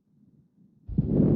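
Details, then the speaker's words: Patient with mitral valve prolapse bearing down (Valsalva): a loud, harsh whooshing murmur swells after a quiet start as more blood leaks back; mitral regurgitation murmur increasing with Valsalva. "이렇게 되면은 심잡음이 이제 증가해요. 피가 인제 많이 지나가면서 소리를 내기 시작을 합니다."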